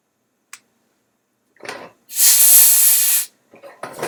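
A steady hiss of air lasting about a second, from a dental air syringe thinning adhesive, with brief softer puffs around it.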